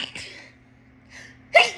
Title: sneezes girl TikTok